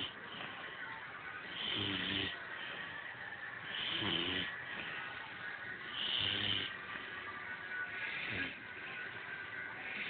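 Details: Snoring: rhythmic rasping snores about every two seconds, around 28 a minute, over a steady background hum.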